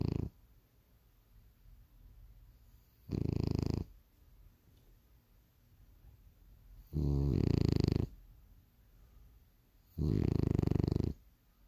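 Three loud, rough, low snores about three seconds apart, with quiet breathing between them: snoring.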